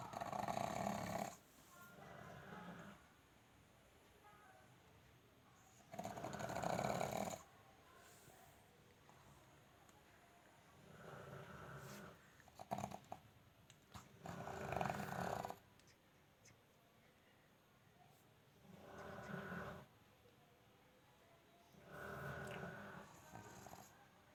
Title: pug snoring sound